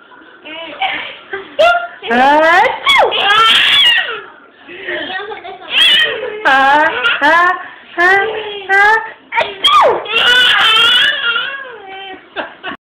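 Repeated loud wailing cries from an infant, with short breaths between bursts, in a small room.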